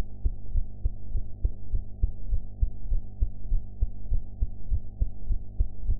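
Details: Own heart sounds recorded after eating, quality enhanced: regular low thumping heartbeat at about 100 beats a minute over a steady hum.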